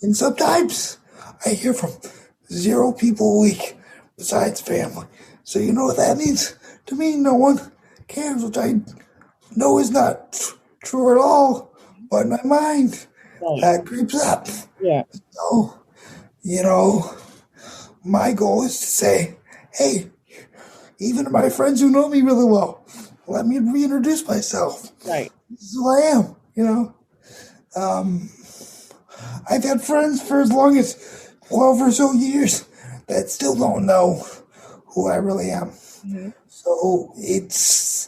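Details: 22-year-old man with dysarthria from cerebral palsy affecting his muscles; he says tighter muscles make talking more difficult.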